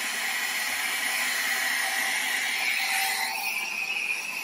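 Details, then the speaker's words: Loud, steady rushing hiss of high-flow gas from a Venturi generator driving a helmet CPAP for COVID-19, oxygen up to 30 L/min giving about 60 L/min total flow; noisy enough to need a filter and earplugs. "then you're going to again connect this to the helmet don't forget to put a filter and for noise reduction because this is actually quite noisy"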